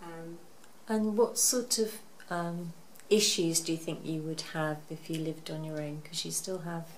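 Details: Adult female speaker; typical speech.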